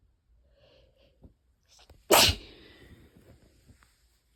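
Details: Allergy-season sneeze: a quiet catching breath, then one sharp, explosive wet sneeze followed by soft breathing.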